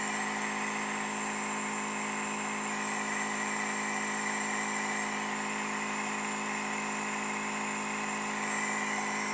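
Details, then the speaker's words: Home compressor nebulizer being set up and switched on, with saline misting out and adjustable flow. Steady loud mechanical hum and buzz with a constant hiss of air and mist. "so we're going to turn it on and you can see the Mist it's just blowing out Salinas and if you want a little bit less flow you can turn it down and at this point it's ready to use"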